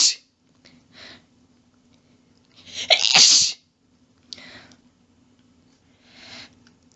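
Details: Female, in a long fit of really rapid quadruple sneezes with some coughing from losing breath: several hissing sneezes in a row, one loud and prolonged, with soft breaths between; sneezing fit.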